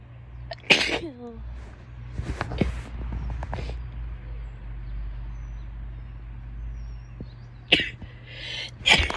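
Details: Female sneezing and sniffling: a sharp burst of sneezing near the start, then breathy sniffing and two more quick nasal bursts near the end.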